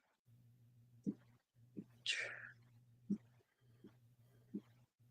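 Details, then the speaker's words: A single sudden, distant sneeze from the speaker's son, a hissing burst over steady room hum and soft knocks during a live stream. "That was my son sneezing."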